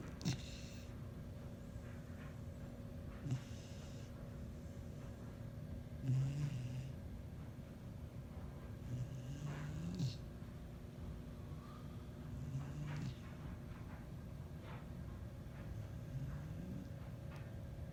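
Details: Female dog crashed out asleep on her bed: soft, low snoring snorts at about 20 breaths a minute over steady room hum.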